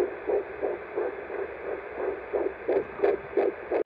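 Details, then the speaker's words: Handheld Doppler at a first midwife visit, at roughly 10–11 weeks of pregnancy (dating uncertain): rapid, regular whooshing fetal heartbeat, roughly 170 per minute. "and that's when we got to really feel the first real connection with our baby i'll show you some clips from that which is the doppler hearing the heartbeat"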